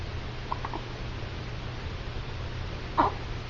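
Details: Two brief, sharp hiccup sounds a few seconds apart over steady low room hum; hiccups.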